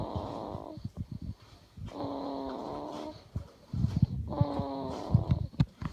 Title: Snoring baby